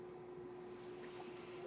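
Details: Noise of a podcast host's own mechanical ventilator heard while he speaks: mechanical ventilator airflow.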